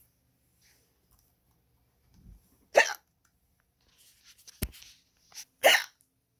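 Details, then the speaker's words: Hiccups from a cartoon character: three sharp, abrupt hiccup sounds, irregularly spaced over a few seconds. "Oh, now they're gone. Oh, no, they're not. Wow, they're still going."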